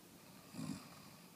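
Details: A single low rattling snore on one breath against quiet room noise; ordinary snoring.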